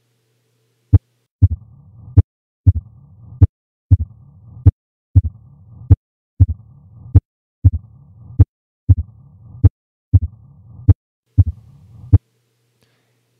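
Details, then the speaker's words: Slow regular heartbeat, about 48 a minute, with a low-pitched rumbling murmur between beats, typical of mitral stenosis. "the sounds that classically fall to that category are a mitro stenosis murmur an S3 and an S4"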